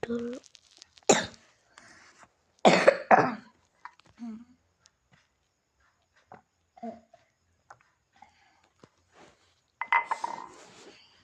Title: maaf suara ku serek aku lagi sakit/batuk😭🙏